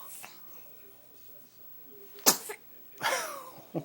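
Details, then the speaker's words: caught on camera: a brief breath in, then a single loud, sharp sneeze burst followed by a short vocal sound, with room noise and faint background voices; sneezing. "Got the big sneeze on camera."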